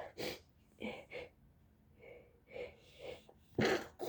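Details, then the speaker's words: Repeated sneezes with gasping intakes and some stifled ones between, from a girl with a cold who also reports allergies: a sneezing fit. "Okay, guys, I caught a fit, I think. I caught a fit."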